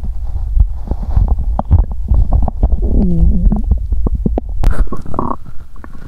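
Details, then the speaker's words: Loud, continuous abdominal gurgling and rumbling with short bubbling pops and a brief squealing gurgle: stomach growling after exercising on an empty stomach, which left the person feeling unwell; described as a hungry sound. "Âm thanh réo rắt của dạ dày tôi tiếp tục một lúc ♪ Nếu bạn thích, xin vui lòng xem cho đến khi kết thúc 💗 ♪ Đó là một âm thanh đói tốt!"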